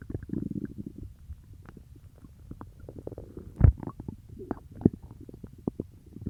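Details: Stomach growling after eating peanut butter: low gurgling rumbles with irregular bubbling pops and squeaks from the abdomen, normal bowel sounds (borborygmi).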